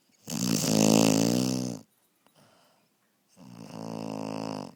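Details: Sleeping puppy gives two drawn-out, buzzing snores a few seconds apart, with a quiet breath between them; snoring.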